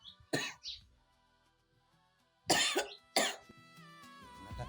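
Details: An acted cough in a drama, from a sick mother: a cough, a throat clear, then two more harsh coughs over soft background music.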